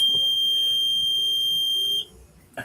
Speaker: Okay, I'll warn you. Headphone users, take your headphone out. It sounds like this when you turn it on.